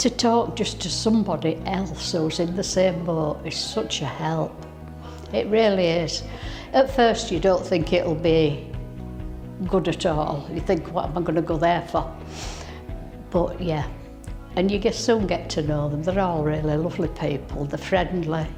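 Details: Adult woman speaking; Normal speech.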